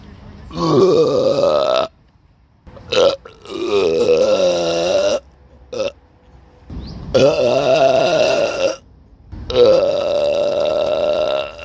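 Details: Person burping, recorded on a Samsung Galaxy S9 phone: several long, loud, voiced belches with short silent gaps between them; burping.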